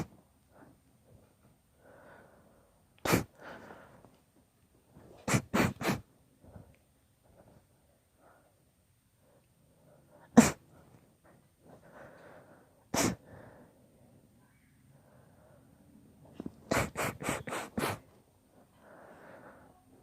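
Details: Long induced sneezing fit: a run of explosive sneezes, many in quick clusters of two to four, with gasping in-breaths between them.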